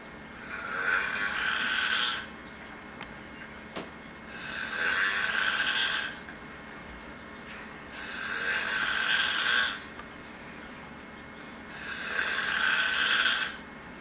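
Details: A cousin sleeping on a couch snores loudly and regularly on each breath, about 16 breaths a minute.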